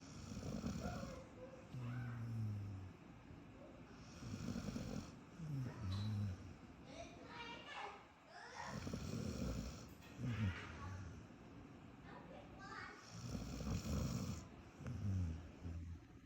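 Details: Rescue mixed-breed dog sleeping with ordinary snoring: low rattling snores about every five seconds, some ending in soft snorts.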